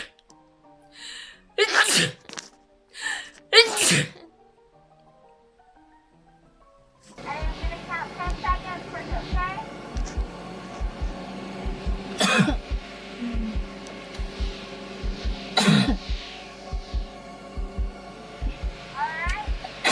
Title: Sneezing girls Covid-19 nasal swab test sneezing 재채기 -くしゃみ